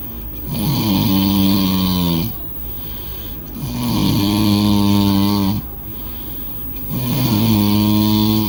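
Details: Loud, rattling snores on each in-breath, about 18 a minute, with quieter out-breaths between, from a person sleeping after a party; loud snoring.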